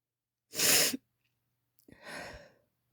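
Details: Female, induced sneezes: a single loud, explosive sneeze burst, then a quieter breathy exhale-like sneeze or sigh after a pause; sneezing.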